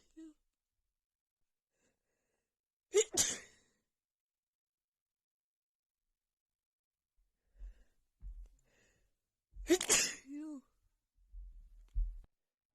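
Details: Female after visiting a friend's house with cats: two forceful sneezes separated by quiet, with a soft sniff and nose blowing into a hanky near the end; sneezing.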